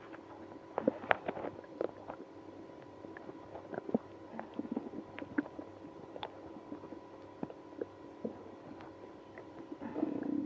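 Frequent gurgles, squeaks and short rumbles from the belly, with a longer growl near the end: active bowel sounds.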